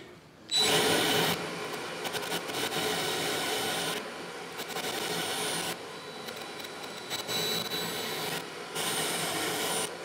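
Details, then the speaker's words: Acetabular reaming during a hip replacement demonstration: bursts of grinding, rasping power-tool noise with brief pauses as the reamer removes the remaining cartilage from the socket but leaves the strong underlying bone. "what we want to do is we want to take the cartilage off but leave the cartilage that's or leave the bone that's just below the cartilage in place because it's the strongest bone"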